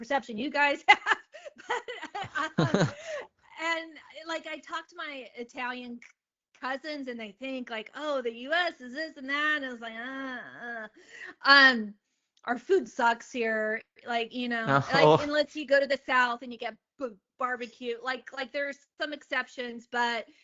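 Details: Adult woman who has stuttered since age eight, the same year she was diagnosed with dyslexia; speech therapy from age two for an auditory processing issue; real stuttering.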